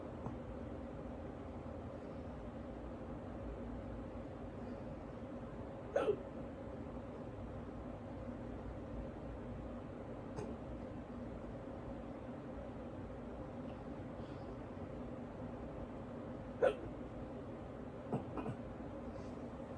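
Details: Person woken from sleep, half asleep, with hiccups: a few sharp, brief clicks spaced several seconds apart, about four in twenty seconds, over steady room hum; quiet hiccups.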